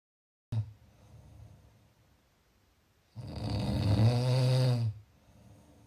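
A soft breath, then one long, loud, rumbling snore on the in-breath: typical snoring.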